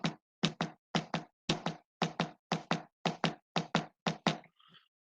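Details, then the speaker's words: Knocked imitation of sinus tachycardia, about 115 a minute, each beat still two sounds, demonstrated in a lecture on cardiac pathophysiology, contrasted with gallop rhythm. "¿Que puede estar alterado y tener una taquicardia? Sí, pero aún así mantiene los dos golpes. ¿Por qué? Porque vamos a hacer una taquicardia sinusal, por ejemplo, y vamos a escuchar."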